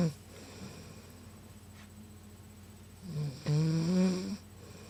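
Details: A sleeping adult woman is quiet for several seconds, then gives one loud, drawn-out, rumbling snore with a rising tone: snoring.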